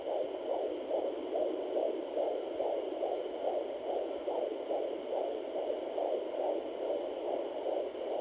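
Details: Home fetal Doppler (Sonoline) at 21 weeks pregnant: rapid, regular whooshing fetal heartbeat about 140 beats a minute, around 138 bpm measured at doctor's office.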